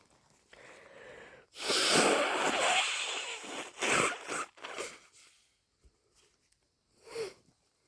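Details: Person on day 3 of a cold, sneezing and blowing the nose all day: a sharp, hissing sneeze burst with sniffs around it; sneezing.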